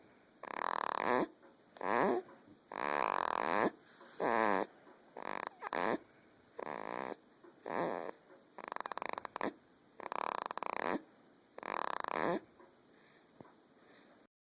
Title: Snoring just like Dad!